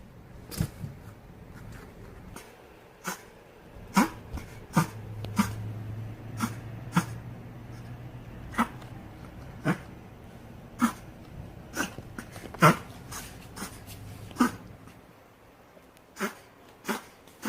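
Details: Dog reverse sneezing, described as breathing strangely as if choking: repeated sharp snorting sounds with a low honking drone.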